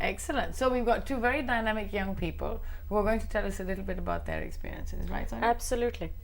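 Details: Adult woman speaking; ordinary fluent speech.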